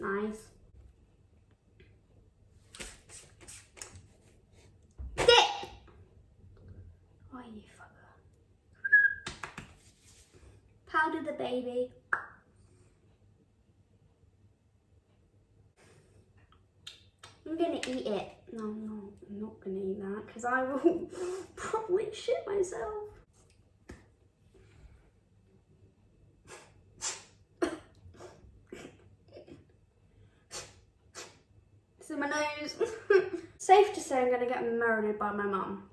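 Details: Tourette syndrome with vocal tics occurring throughout, including sudden swearing, random phrases, and violent or aggressive tics.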